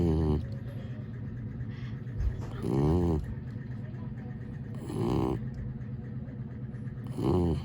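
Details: Sleeping dog snoring: loud, rough, vibrating snores about every two seconds with quieter breathing between, in a small room.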